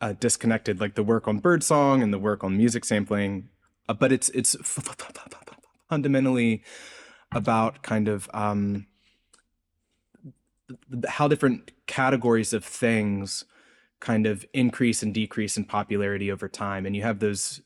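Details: Adult male postdoctoral researcher, self-reported speech impediment audible throughout an interview; this stretch has word repetitions; stuttering (disfluent speech with repetitions and prolongations).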